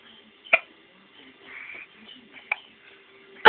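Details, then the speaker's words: Young child with hiccups, talking with a parent: three sharp, abrupt hiccups about two seconds apart, with soft vocal sounds between them. "I had the hiccups I had the hiccups oh get Daddy Kisses get Daddy Kisses by Daddy Daddy really can't do anything out the hiccups"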